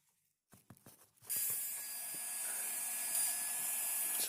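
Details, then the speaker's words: Dental high-speed handpiece cutting mesial slope reduction of the mesiolingual cusp on a typodont mandibular first molar (tooth 36) for a full veneer crown: a few faint taps, then steady high-pitched cutting whine. "we have completed the mesial slope reduction for the mesiolingual cusp. Now we will do the distal planar reduction."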